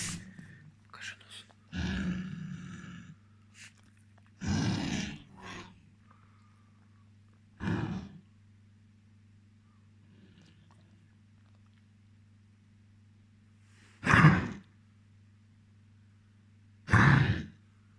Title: Кашель у собаки